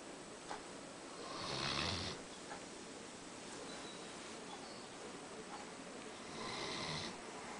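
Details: Two long, harsh, rattling breaths about five seconds apart over a hissy background: loud snoring in sleep from an epileptic individual who had slept poorly since becoming epileptic.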